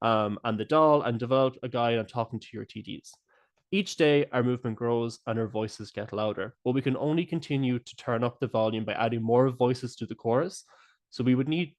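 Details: Adult speaker; ordinary speech.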